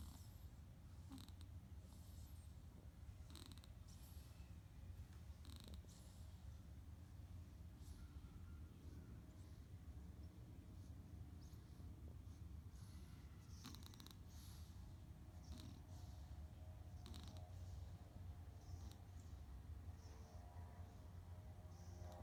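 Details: A sleeping kitten makes a loud, steady low rumbling snore with soft snorting, oink-like sounds.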